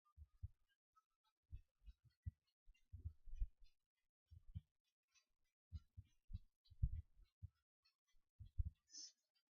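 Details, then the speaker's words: Normal heart sounds heard with the stethoscope diaphragm at the apex/PMI (fifth intercostal space, midclavicular line, mitral area), where S1 is loudest: soft, regular lub-dub at about 70 per minute with no extra sounds. "So now I'm going to listen to the apex, or the PMI point, and that is where you hear the S1 sound the best."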